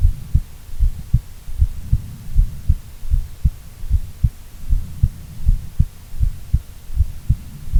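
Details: Female heartbeat: a steady low thumping at about 78 beats a minute, with a constant low hum behind it.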